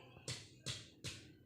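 Three evenly spaced, hollow finger taps on the chest over the lung, each with a brief ringing decay, a resonant percussion note over normal lung.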